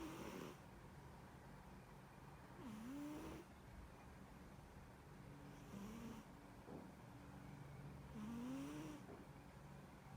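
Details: Sleeping cat: soft, rhythmic snoring, a breath every few seconds, some breaths with faint tonal whistles, room noise behind; snoring.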